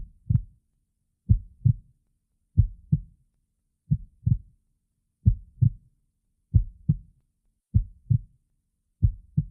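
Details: Own steady paired lub-dub heart sounds at about 47 beats a minute, with stomach growling also noted; normal heartbeat.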